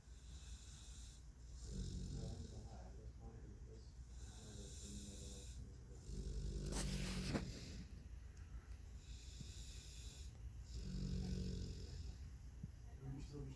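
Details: Snoring of the film character Captain Jack Sparrow napping, replayed from a film: low rumbling inspiratory snores about every four seconds with a louder snort midway; snoring.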